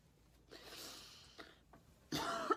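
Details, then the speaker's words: Woman sick with a cold after being caught in a cold storm, nose stuffed, coughing, ears popping: drawn-in breaths followed by a sudden loud, congested sneeze burst. "it's like making my ears pop how much I'm sneezing and blowing my nose like every time I sneeze my ears pop that's how sick I am right now"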